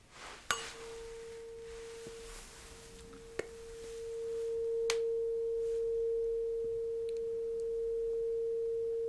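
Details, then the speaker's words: A struck tuning fork rings with a steady pure tone that holds and swells, with light taps around it, placed on the bone behind the ear; an acted bone-conduction hearing test in an ASMR roleplay. "So, I'll put this tuning fork on this bone right behind your ear. Nothing complicated."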